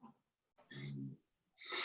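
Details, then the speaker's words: Pet dog snoring in the background of an online meeting: a brief low rattling buzz on inhaling followed by a hissing breath. "is that your dog again? Pardon? Yes, my dog. Snoring."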